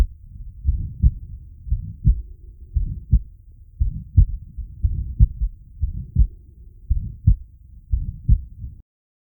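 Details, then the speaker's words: Regular heartbeat near 58/min from a patient with aortic stenosis, recorded with a Riester ri-sonic stethoscope and Medsensio app; a harsh systolic murmur follows the first sound in each beat. "this murmur was recorded from a patient with aortic stenosis typically the murmur associated with aortic stenosis is described as a crescendo de Crescendo murmur or diamond shaped"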